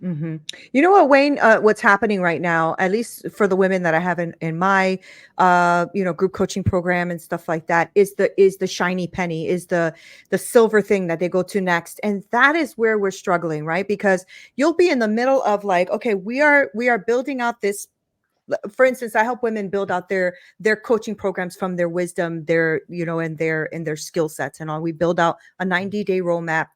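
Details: Adult woman speaking; normal speech.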